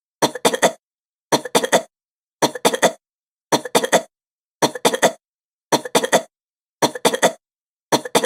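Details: Woman's fast coughing: quick bouts of three sharp coughs, repeated eight times at an even, looping pace.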